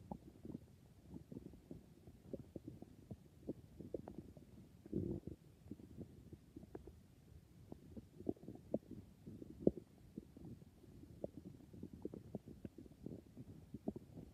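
Continuous soft gurgles, pops and rumbles from the belly; ordinary stomach growling, a normal sign of gut activity.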